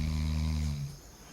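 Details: A person asleep with phone in hand on a road trip gives a single low, rumbling snore lasting under a second, then quiet background noise.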